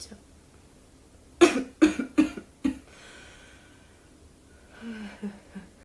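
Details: Woman speaking on a radio-style talk whose illness is affecting her voice; a run of four sharp, loose coughs in quick succession, then a quieter breath and a faint voiced sound; cough.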